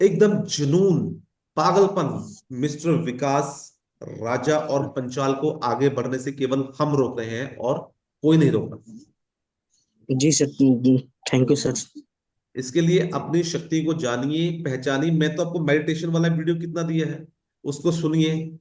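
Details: Adult man speaking Hindi; fluent speech.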